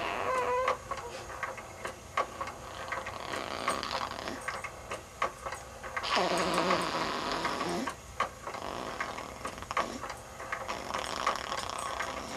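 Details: Sleeping baby snoring: a brief squeaky sound, then a longer, rough, voiced snore-like noise among soft clicks.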